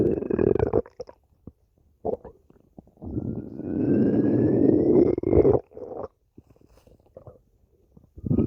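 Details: Low gurgles and a long rising growl with short bubbling pops between; ordinary stomach growling (borborygmi).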